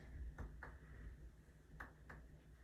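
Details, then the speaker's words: Chest percussion during a respiratory assessment demonstration outside a clinical setting: four soft hollow taps in two pairs over the lung fields, the normal resonant percussion note. "normal findings for this would be resonant sounds all throughout your lung fields and then dull sounds over any organs so spleen liver Etc"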